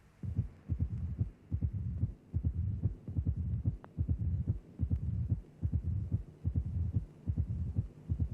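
Simulated regular heartbeat, about 73 a minute: loud first sound, sharp snap soon after the second, then low diastolic rumble; mitral stenosis opening snap.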